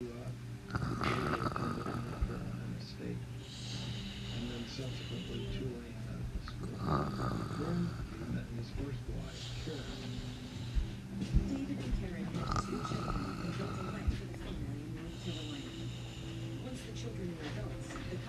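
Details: Person sleeping and snoring: rhythmic low snores with snorts and whistly nasal breaths, about five breath cycles over eighteen seconds, with some room noise.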